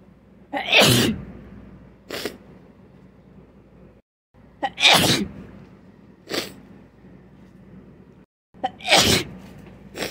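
Three forceful sneezes come in quick succession, each led by a sharp intake of breath, in a bout of repeated sneezing.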